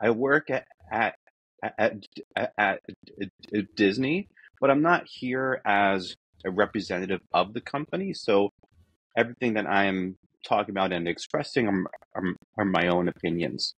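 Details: Adult man who states he is a person who stutters, natural speech and not a recording glitch; audible word repetitions; stuttering.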